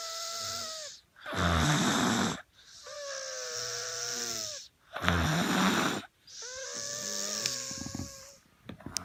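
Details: Snoring while unwell, cause not yet known: rasping snores alternating with whistling, squeaky breaths, about 16 breaths a minute; noisy snoring with a wheezy, whistling quality.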